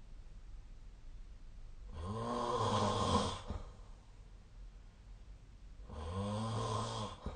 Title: 🐽 2024/12/16 本日のイビキ Snoring Sleep Sound